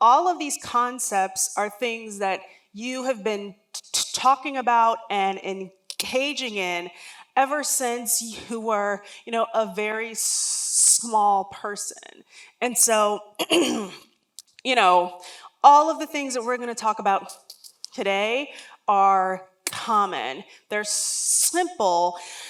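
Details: Real lifelong stuttering in an adult woman, heard during a public talk.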